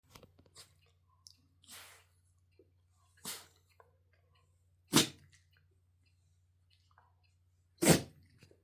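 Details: Bichon Frise dog: several short, sharp sneezes growing louder toward the end, with a low steady hum behind; repeated sneezing before rolling around and demanding attention.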